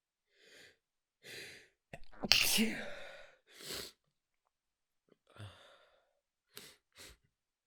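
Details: Someone trying not to wake others, early morning with a nasal tickle: soft breathy puffs, then one muffled, suppressed sneeze burst and a few quiet breaths afterward; a stifled sneeze.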